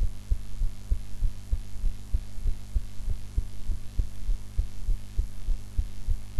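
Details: Own heartbeat recorded after eating, in a different posture from usual: a steady low thumping at about 100 beats a minute over a constant low hum.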